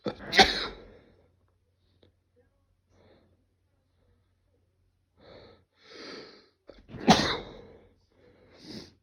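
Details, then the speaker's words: Person sneezing, attributed to candle allergy and a cold: two loud explosive sneezes with sharp bursts of air, separated by quieter sniffs and breaths in a quiet room. "Excuse me. I think I've got a cold. Pardon me."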